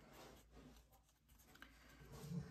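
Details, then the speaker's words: Snoring from a big dog sleeping in a quiet room while lying on top of another dog: faint, low, rumbling breath noise that builds at the end. "can hear the dog snoring that's not Jess it's the big dog it's my daughter's"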